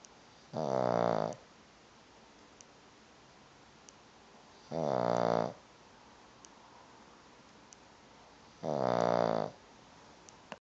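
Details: Regular, even buzzing snores on inhalation about every four seconds (around 15 breaths a minute) in a quiet room; recurring snoring.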